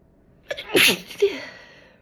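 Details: Quick in-breath, then one loud explosive sneeze with a short voiced tail; ordinary sneeze.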